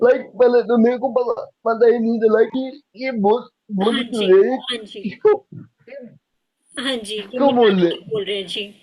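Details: Dysarthria in a young adult man with cerebral palsy diagnosed at age 2; he could not speak as a child and still needs double effort to speak and cannot speak clearly.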